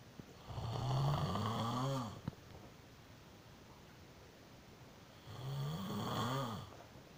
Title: I do not snore...